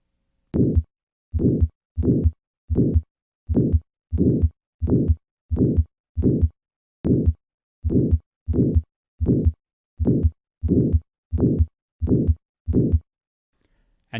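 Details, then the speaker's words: Patient with mild calcific aortic stenosis: regular heartbeat with a harsh systolic murmur that peaks early in systole. "listen to this later shift in the peaking of the murmur as the disease progresses from mild stenosis to severe first a patient with mild aortic stenosis"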